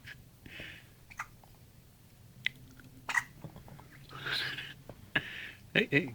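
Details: Puppy with hiccups: short, sharp clicking hiccups repeating every second or so, with soft voices nearby.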